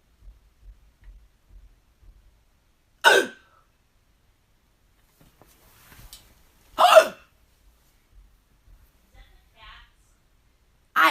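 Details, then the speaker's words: Person complaining of hiccups that won't go away despite trying to get rid of them: sharp, abrupt vocal hics recur every few seconds with quiet between them. "I have the hiccups. I have the freaking hiccups, man. I'm trying to get rid of my hiccups."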